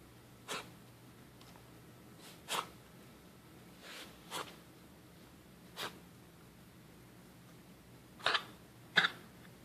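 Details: Pet coughing: about seven short, sharp, irregular bursts in a quiet room, the final two close together; cough.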